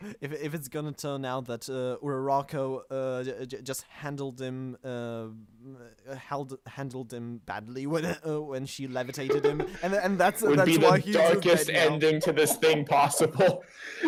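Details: Podcast host whose co-hosts are called the non-stammering hosts, implying he stammers; show combines manga talk with speech therapy: stuttering.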